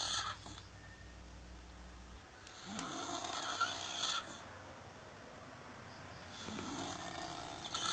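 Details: Harsh, rattling breaths in a slow rhythm with quieter pauses between them from a struggling snorer described as having a little sleep apnea; snoring.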